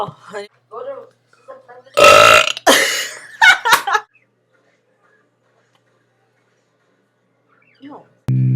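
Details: Belching from a young person: several loud, drawn-out belches, some with a voiced throaty tone, separated by brief sounds and a long silence.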